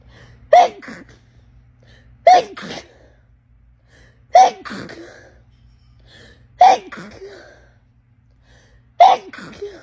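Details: Five forceful sneezes about every two seconds, each with a quick breath in first; a run of rapid sneezes.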